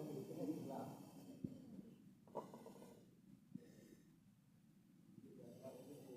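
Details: Patient with irregular low snorting, rattling breath noises and wet gurgling, sounds of a partly blocked upper airway; snoring and gurgling.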